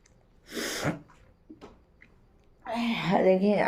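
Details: Woman's deliberately provoked sneeze during a sneezing challenge, nose watering: one sharp sneeze with a quick breath in, then a few small sniffs and talking.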